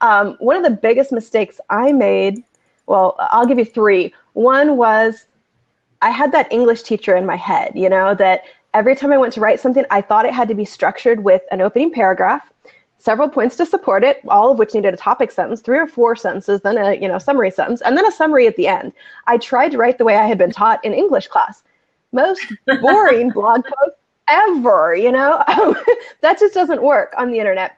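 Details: Adult woman speaking; typical speech.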